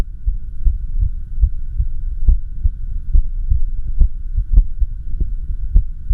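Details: Self-recorded echocardiogram with heart sounds from the recorder's own heart during an irregular heartbeat (arrhythmia).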